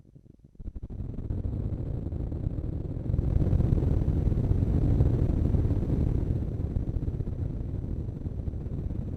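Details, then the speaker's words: Needle EMG on Keypoint.Net during interference pattern evaluation at maximum muscle contraction, sensitivity 0.5 mV/division: dense, continuous low rumbling crackle of a full EMG interference pattern. "the emg sound can be heard during the entire test adjust the volume with the volume button located on the control"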